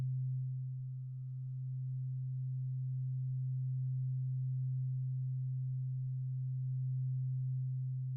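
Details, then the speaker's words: Steady pure low hum for about eight seconds, a struck tuning fork moving from one ear to the other in a roleplayed (simulated) ear examination hearing test. "It is a tuning fork, and you are going to hear like a vibration from it go from one ear to the other."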